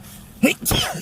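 A sharp indrawn breath followed by an explosive sneeze, one of a run of repeated sneezes.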